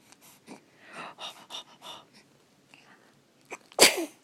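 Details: Infant about 1½ months old, awake and excited before a feed, with soft breathing and small vocal sounds, then a single sharp, high-pitched ordinary sneeze; followed by a little smile.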